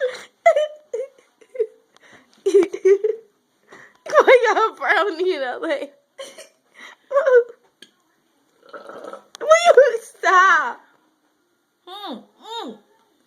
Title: BURPING OFF THAT LOUD...CTFU...MUST WATCH!!!